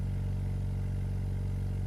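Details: Oxymed Cure 5 LPM home oxygen concentrator running: loud steady low hum and rumble; no voice prompt heard here (the machine announces flow changes by voice unless muted).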